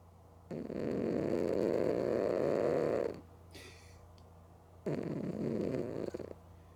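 A sleeping cat's long, buzzing, fluttery snores on the in-breath, with a quiet pause between; ordinary cat snoring.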